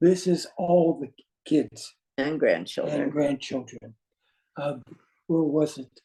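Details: Aphasia caused by a stroke in an adult man; words do not flow, with difficulty in instant word choice and finding how to say what he wants.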